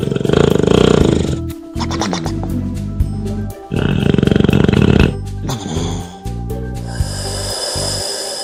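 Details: Snoring.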